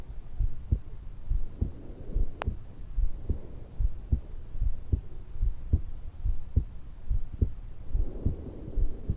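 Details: 20-year-old woman just after waking, lying supine in bed, stethoscope microphone on the suprasternal notch: normal heart sounds with breath sounds.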